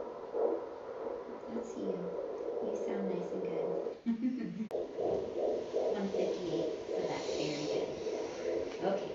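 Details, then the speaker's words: Prenatal visit, mother with a history of diabetes, fetal heartbeat on handheld Doppler: rapid, regular whooshing pulses much faster than an adult's; normal fetal heartbeat. "I'm going to take a listen to the heartbeat and we'll measure."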